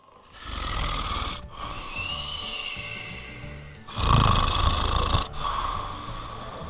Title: Snoring at Little Explorers Seattle